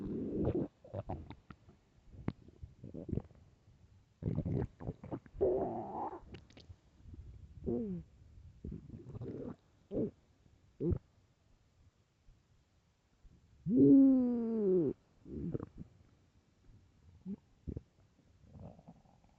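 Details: Loud stomach growling from hunger: gurgling, squeaky and rumbling bowel sounds in irregular bursts, with a long tonal growl near the end; ordinary borborygmi.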